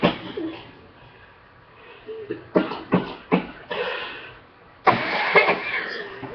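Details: Cough from a person sick for two weeks, now improving on a second round of antibiotics.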